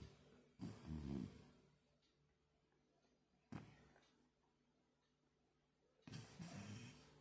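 A sleeping dog gives rumbling snores about every three seconds, with quiet pauses between breaths.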